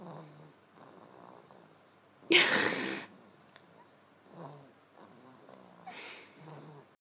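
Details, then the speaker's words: Sleeping baby boy: soft rhythmic breathing with faint low snores, interrupted by a brief loud rustling burst; light infant snoring. "Our little baby's snoring. Gets that from his mother."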